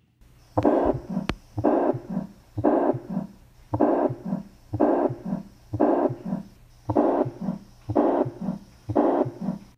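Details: Teaching audio clip of a tricuspid regurgitation murmur: regular heartbeat near 60 a minute with a long blowing systolic murmur filling each systole.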